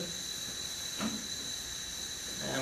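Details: Respiratory care set-up of a large volume nebulizer delivering aerosol humidity through a loose-fitting face mask on a patient: steady loud hiss of aerosol flow, the normal sound of the device working.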